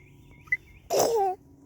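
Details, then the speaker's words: Single short, voiced sneeze from a young child outdoors on a walk, faint birdsong behind it. "oh you sneezed on me"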